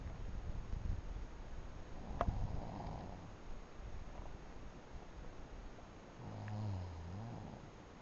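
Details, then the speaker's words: Adult man (boyfriend) sleeping while camping: low, rough, bear-like rumbling snoring breaths against steady outdoor noise. "So I tried to take a nap and got woken up by what I could only imagine was maybe a bear. And then realized that it wasn't a bear. It was my boyfriend."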